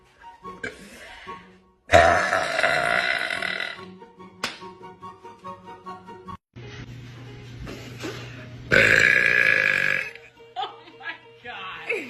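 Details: Two long, loud deliberate belches with short voiced sounds and background music between them; repeated burping.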